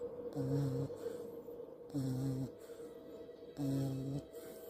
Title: puppy snoring 🧡 #dollylife #lifeofdolly #puppy #snoring #sleep #cute #love #dog #follow #subscribe